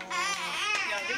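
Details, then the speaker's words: Baby in a 1995 home video, said to be getting hot and fussy: a brief high-pitched infant cry with a wavering, strained tone in a small room; infant cry. "Hi, you no, hear the baby crying, right? You know what I mean?"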